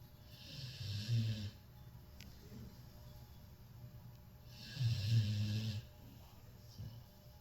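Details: Cane Corso dog snoring loudly in sleep: two low, rumbling snores with a breathy hiss, several seconds apart; faint room hum.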